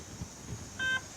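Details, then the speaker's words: Simulation lab training with an intubated manikin: a brief electronic alarm tone over low room noise from a ventilator, an active alarm needing assessment. "I think that is all for the ventilator portion of it so now and that's the way the ventilator alarms so if you hear that noise that will be an active alarm that you will have to assess"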